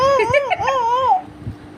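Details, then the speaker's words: Young girl crying after her mother tied her hair: a high, wavering wail of about a second fading into quieter sobbing, hand on head, crying won't stop. "আচ্ছা মা তো একটু চুলই বেঁধে দিছি নাকি? মা সুন্দর করে চুল বেঁধে দিছি, তো চুল বাঁধলে এইভাবে কান্না করতে হয়?"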